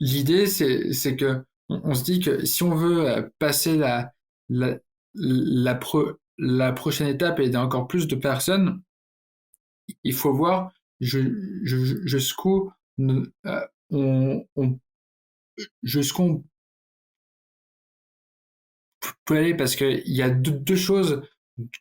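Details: Stuttering in an adult man who stutters, speaking French.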